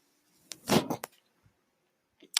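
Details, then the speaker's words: The speaker's own mechanical ventilator, heard during a spoken podcast recording: a brief mechanical whoosh with a few clicks, then near silence and a faint click, from one breath cycle of mechanical ventilator noise. "hello everyone my name is brynan mark that noise you're hearing is my ventilator and thank you for tuning in to page-turners they were not my stores podcast"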